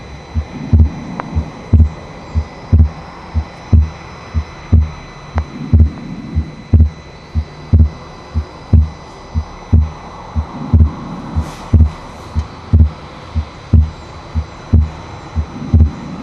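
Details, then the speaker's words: Harvey simulator at the pulmonic area, about 60 beats a minute: the second heart sound is permanently split, widening further on inspiration than on expiration, a widely split second heart sound. "en el foco pulmonar van a escuchar que el segundo ruido está desdoblado permanentemente, pero pueden escuchar que se desdobla más en la inspiración que en la expiración."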